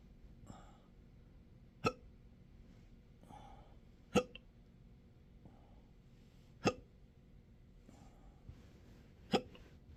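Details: Intractable hiccups with choking spasms and belching since December 2015, occurring in 12-hour episodes now seven days a week: four strong, sharp hiccups about every 2.5 seconds with softer breathy catches between; persistent hiccups.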